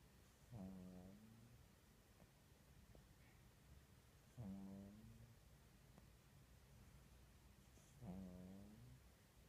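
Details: Cat snoring with arm over face: soft, regular snoring on each breath, three snores at about 20 breaths a minute, each starting with a brief snort.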